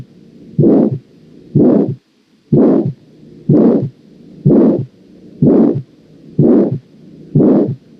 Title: Auscultación de la estenosis valvular aórtica